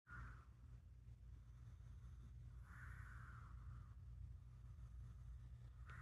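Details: Loud snoring from a cat; no further details given.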